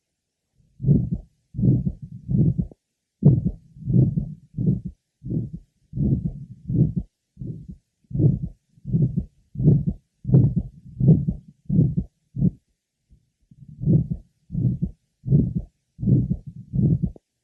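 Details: Six-year-old boy with significant aortic stenosis, heard at the aortic area: heartbeat about 83 a minute with a harsh murmur filling each beat.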